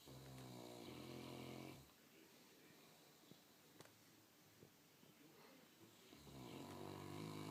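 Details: Sleeping St. Bernard snoring: loud, rumbling snores with a quiet pause between breaths; ordinary snoring.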